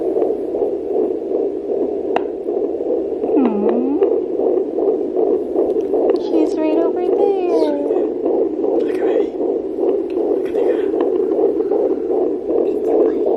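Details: Fetal heartbeat at 15 weeks of pregnancy heard through a home fetal Doppler: rapid whooshing pulses about 150 beats a minute, with brief excited voices.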